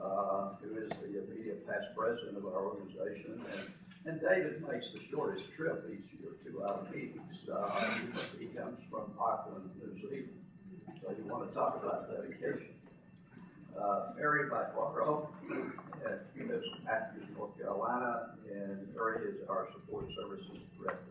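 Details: Spasmodic dysphonia in a man who lives with the voice condition himself.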